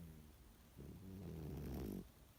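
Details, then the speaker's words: A cat snoring on a single indrawn breath, a low rattling fluttering rumble rising then fading over a quiet background. "Part 2 of my cat snoring."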